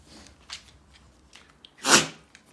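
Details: A pit bull dog with kennel cough on its third day of illness, with a wet, runny nose, gives a single sharp, airy sneeze.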